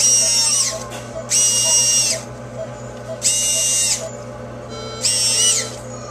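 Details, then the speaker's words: Dental prophy polisher on a dog's teeth during a veterinary dental cleaning: high whirring whine in short one-second bursts over a steady low hum, briefly polishing tooth surfaces slightly under the gum line to smooth them. "we're going to make sure we get too surface you don't have to be on there a long time and just slightly under the gum line this just helps smooth out the surface if there was anything on the teeth"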